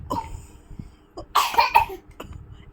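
A few short, deliberate cough bursts from a child in a quiet room, made on request.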